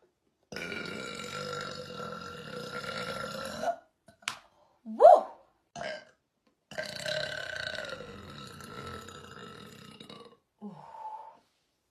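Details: Several belches, two long drawn-out ones with short ones between; burping.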